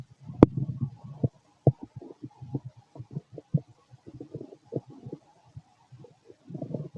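Irregular low gurgles, rumbles and bubbling pops through the abdomen, active ordinary bowel sounds (borborygmi) in a healthy adult.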